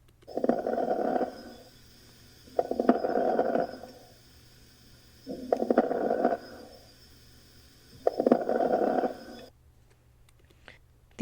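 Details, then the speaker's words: Patient diagnosed with congestive heart failure, with positive S3, peripheral edema and elevated JVP. Breath sounds with fine crackling pops during each breath: crackles at both lung bases, with no decreased breath sounds. "represent crackles and the bilateral lung basis you don't appreciate any decreased breath sounds though on percussion"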